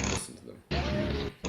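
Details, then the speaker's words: Demo of Recomposer audio editing: computer-enhanced sneeze, two loud voiced bursts with a brief quieter gap, generated from a recording with a sneeze; not a natural recording. "There's a sneeze in this audio recording. We will remove the sneeze using Recompositron."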